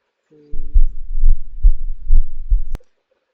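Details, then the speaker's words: Pericardial friction rub in the setting of pericardial effusion: rough, scratchy, triphasic sounds repeating rapidly, louder at the left sternal border while leaning forward. "okay now pericardial diffusion in here we know the friction R will be found this is the sound of the friction"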